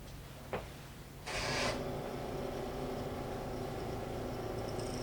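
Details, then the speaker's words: Portable or wall suction machine switched on and tubing pinched to check suction pressure before tracheostomy suctioning: brief click, then steady low hum and airy hiss. "Check the suction by turning the machine on and pinching"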